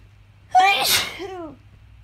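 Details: Morning sneezes after sleeping with the windows open on a hot night: one loud, sharp voiced sneeze, then a brief voiced breath out.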